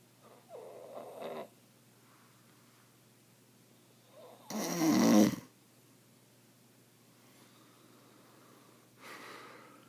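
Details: Adult man (father) snoring in sleep: rough, rattling breaths, one loud snore among softer ones, about three breaths in ten seconds.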